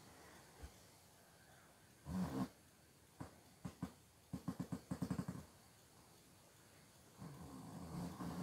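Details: Young child asleep in bed, snoring.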